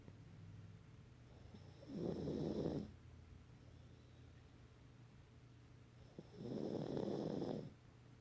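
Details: Pet dog snoring every time she sleeps: two rough, rattling snores about four seconds apart, each about a second long, with quiet breathing between.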